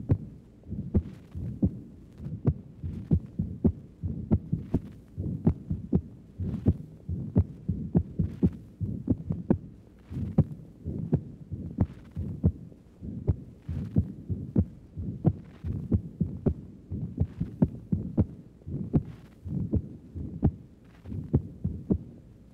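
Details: Recording at the pulmonic area, upper chest: regular paired heart sounds with a sharp, loud, accentuated second sound from raised pulmonary blood pressure secondary to valvular disease.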